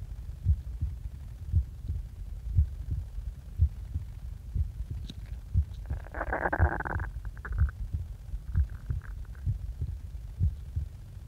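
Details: Regular low heart thumps at about 58 beats a minute, recorded just after waking, with a brief rustling noise partway through.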